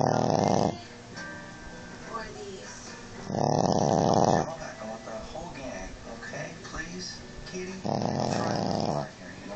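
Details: Snoring from a sleeping Chihuahua: three rattling snores a few seconds apart, with some background sound between them.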